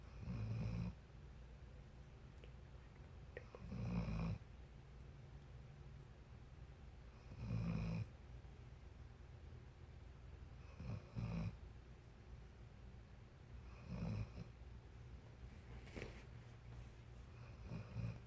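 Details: A sleeping dog gives deep, low rumbling snores at fairly regular intervals, about six over eighteen seconds (roughly 17 a minute); snoring.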